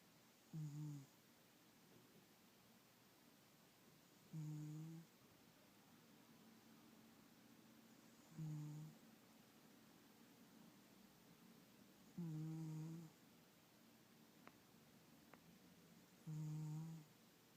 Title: My cat snores